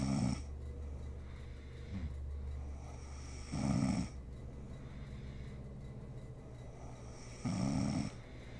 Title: SNORING MOM SLEEPING ASMR SERIES